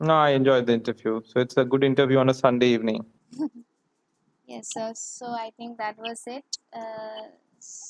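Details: Adult male speaker; Normal fluent speech.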